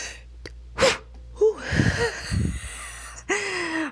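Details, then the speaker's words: An adult tickles their nose on purpose while trying to hold back sneezes: a sharp nasal snort and a gasp, then a suppressed sneeze with a brief voiced sound, stopped before fully releasing. "okay that that didn't count that didn't count as a sneez did it I don't think so cuz I stopped it so yeah I I don't think that counted but that's the closest I've come so far to um sneezing"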